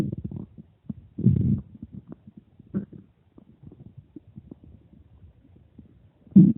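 Irregular low gurgles and rumbling bursts of varying loudness, some louder surges near the start and end: active bowel sounds, ordinary stomach growling.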